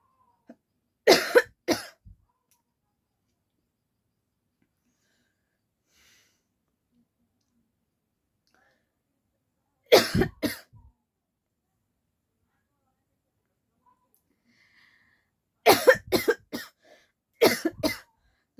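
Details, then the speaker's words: Deliberately acted coughing by a woman in a coughing challenge, who says real coughing and a sore throat set in as she went on: several clusters of short, dry coughs separated by long silences. "चलिए और हम नहीं ज्यादा खास सकते क्योंकि खाते खाते मेरा सचमुच का खासी आ रहा है"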